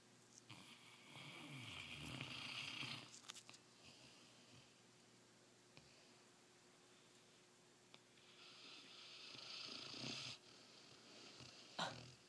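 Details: Two rasping, noisy snore breaths several seconds apart from a dog sleeping upside down, with quiet room noise between and a brief sharp sound at the end; snoring.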